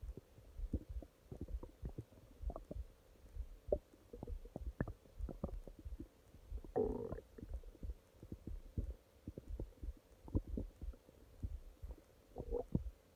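Frequent irregular low gurgles and rumbles with a longer gurgling burst midway; ordinary stomach growling, normal bowel sounds.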